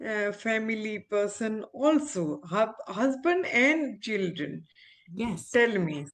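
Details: Aphasia after stroke in an adult female ophthalmologist recovering speech with speech-language pathologists; she reports communication still hinders her; real patient.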